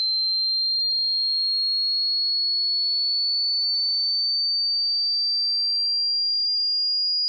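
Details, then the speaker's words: Simulated tonal tinnitus pitch-matching sweep for headphone listening: a steady, high, pure whistling tone rising slowly in pitch from 100 Hz toward 16,000 Hz; tinnitus pitch-matching tone sweep. "up next you will hear a frequency sweep beginning at 100 Herz and gradually increasing to, 1600 HZ"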